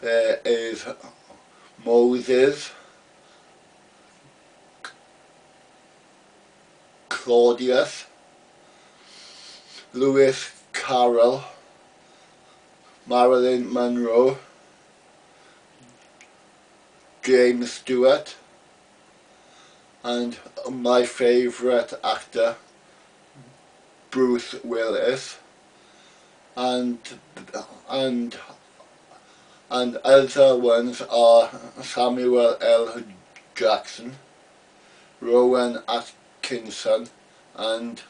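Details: Adult man with a lifelong stammer that began around age three, when he first started to speak; a real, non-acted case of stuttering.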